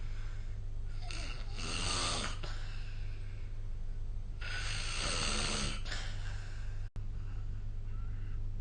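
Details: Snoring during sleep, recorded with the SnoreLab app: two loud, rough inhalations about three and a half seconds apart over a steady low room hum.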